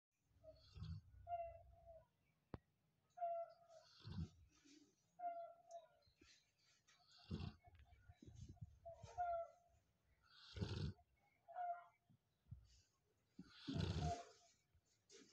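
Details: Soft, irregular snoring with snuffling breaths and whistly, squeaky nasal sounds from a sleeping Labrador dog.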